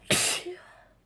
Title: Morning Cold Sneezes & Noseblowing